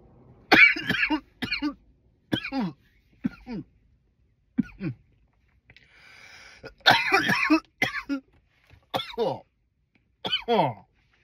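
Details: About ten loud, harsh coughs in separate runs, some with a throat-clearing quality; a forceful repeated cough.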